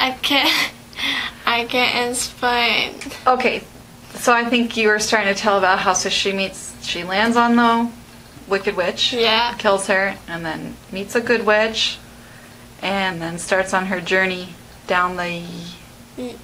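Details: Adult woman speaking, with a brief second voice; ordinary conversational speech.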